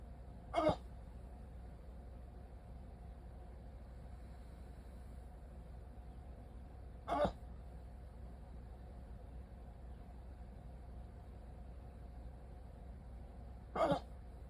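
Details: Three sharp, brief hiccups about every seven seconds over a steady low room hum, during a 14-minute hiccup attack after waking from sleep with a CPAP mask; hiccups.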